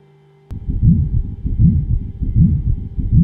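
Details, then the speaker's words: Pericardial friction rub in acute pericarditis: rough, scratchy low sounds repeating with each heartbeat at about 78 a minute, best heard at the left sternal border with the patient sitting up, leaning forward, in expiration. "what you just heard is the pericardial friction rub, and is heard best when the patient is sitting up and leaning forward during expiration while auscultating in the left sternal border."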